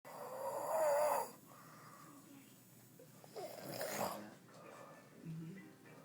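Irregular noisy breathing sounds with a tonal rattling snore and a snort, against steady room noise; snoring.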